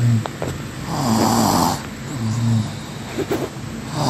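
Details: Rough, rattling, low snores on each breath in, separated by quieter breathing, in a snoring sound effect recording; ordinary snoring.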